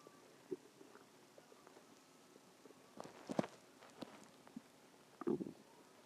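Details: Quiet background with a few short gurgles and one louder rumbling burst near the end: ordinary stomach growling (borborygmi).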